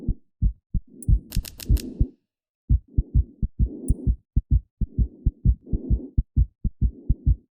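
Steady, regular low thumps at about 65 beats a minute, with a brief pause and a few faint clicks; an ordinary heartbeat.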